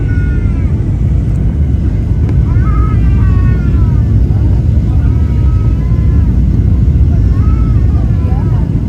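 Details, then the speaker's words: Infant crying on a plane landing in Amsterdam amid very strong turbulence in a storm: several wailing cry bursts rising and falling over loud, constant aircraft engine roar. "[Très fortes turbulences, bébé qui pleure... terrifiant 🛬 en pleine tempête]"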